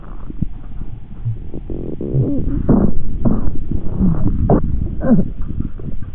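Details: Lung auscultation through a stethoscope: breath sounds with added musical and rumbling sounds; abnormal adventitious lung sounds, as judged by at least 8 of 10 respiratory specialists.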